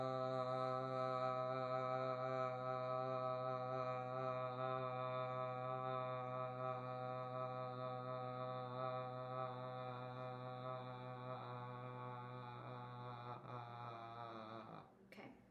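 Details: Young adult male (born 2001) sustaining 'ah' as long as possible while timed during a cranial nerve assessment and bedside swallow evaluation; sustained vowel phonation (maximum phonation time).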